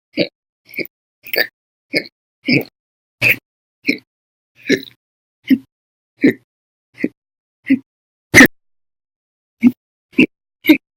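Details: Adult with persistent hiccups, logged at 13 hours 34 minutes on one day and over 5 hours daily for a month: rapid, loud, abrupt voiced hiccups, about sixteen in eleven seconds.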